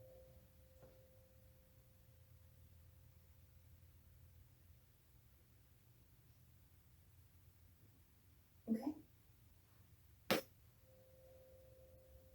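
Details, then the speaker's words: Tuning fork struck and placed on the patient's head for the Weber test during a head-to-toe physical exam, patient asked which ear hears it better; faint steady pure tone that fades, then returns after a couple of knocks. "the rin and weber test okay so i'm going to put this tuning port on your head and tell me if you can hear in one ear better or the other here okay okay"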